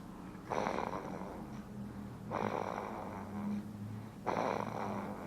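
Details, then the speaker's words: Almost 7-week-old baby snoring: three rough, rattly snoring breaths about one every two seconds over a steady low background hum. "This is our almost 7-week-old snoring baby. We just think the snoring is funny."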